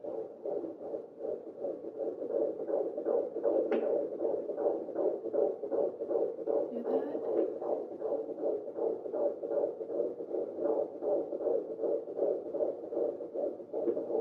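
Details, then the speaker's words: Fetal heartbeat on an at-home pocket Doppler in a fifth pregnancy, with the probe just left of the belly button over a C-section scar; rapid, regular whooshing pulses at about 145–150 beats a minute, getting louder the harder the probe is pressed. "i can listen to that sound all day guys and it'll get a little bit louder the harder i press"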